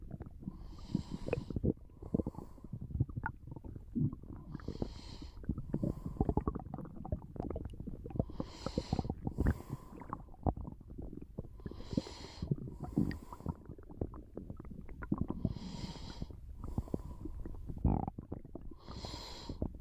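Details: Bowel sounds during a nap: continuous low stomach rumbling and gurgling, with slow breathing or light snoring repeating about every 3.5 seconds.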